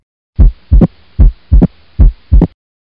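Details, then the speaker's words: Opening snap: a high-pitched extra sound early in diastole, just after S2, from opening of stenotic mitral valve leaflets or a prosthetic heart valve; distinguished from S3 by its high pitch. "which in early industrially and it's different from s3 because it's high pitched sound that occurs due to opening of stenosis leaflets of mitral valve and prosthetic heart valve"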